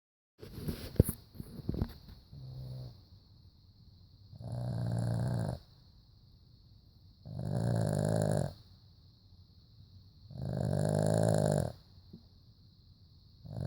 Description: My pup snoring away.